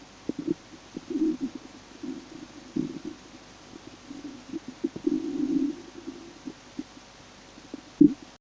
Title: im starving, listen to my stomach growling, ich habe Hunger, hört mal wie mein Magen knurrt 😁💓